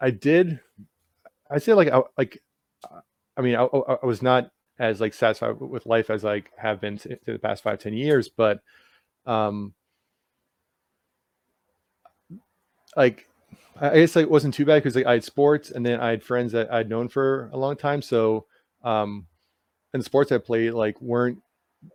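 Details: Adult man with lifelong stuttering who had speech therapy at about age five and uses techniques to manage blocks.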